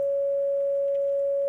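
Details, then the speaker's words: Steady unchanging flatline monitor tone, likened to a heart monitor with the heart flatlined (asystole) or a brain monitor showing no brain activity. "that's the sound of a heart monitor when the heart is flatlined this is the sound of a brain monitor when there's no more activity going on in that brain this is the sound of death"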